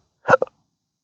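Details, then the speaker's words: Person with chronic, socially disabling daily hiccups since a December 2015 surgery that left multiple nerve damage: a single abrupt voiced hiccup with a short catch after it; intractable hiccups. "uh just doing anything social is often ruined by these hiccups."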